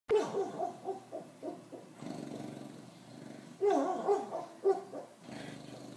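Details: Sleeping bulldog sleep talking: soft whines, grumbles and short muffled yips in bursts.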